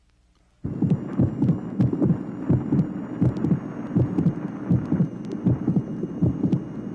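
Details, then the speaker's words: Regular heartbeat near 80 a minute, from a 1967 vinyl teaching record: short, sharp late systolic click, representing a minor mitral valve abnormality. "tracing number 14 at the same late systolic location there is a sound or click that is shorter and sharper than the preceding murmur these late systolic sound phenomena represent minor mitral valve abnormalities"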